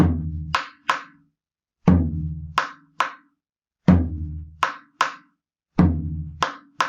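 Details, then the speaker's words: Imitation, not a real patient, of a second sound followed by a third heart sound (R3/S3), played slowly at about 30 per minute so the extra sound after the second is more separated. S3 gallop. "Un R2 con R3 sonaría así. Si estamos un poco más, no tan taquicárdicos, que empecé un poquito taquicárdico, la verdad, sería un poco más separado."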